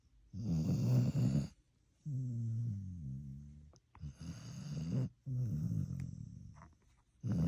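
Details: A sleeping dog snores with repeated low, rumbling, fluttering sounds on each breath, separated by brief pauses.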